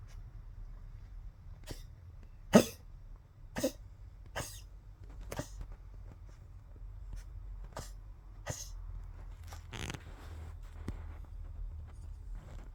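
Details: Poodle with tracheal collapse, coughing constantly: a run of short, harsh, honking "duck" coughs typical of a collapsing windpipe, recorded March 22, 2025.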